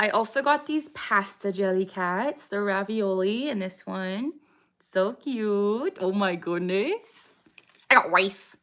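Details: Woman with Tourette syndrome; vocal tic phrase 'I got rice' interrupts her speech during a livestream; vocal tic.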